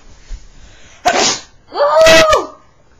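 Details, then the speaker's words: A deliberately induced sneeze: a sharp intake, then one loud voiced sneeze with a short lead-in gasp in a quiet room. "I'm going make myself sneeze you guys because with a pencil um Q Tips can you give me one"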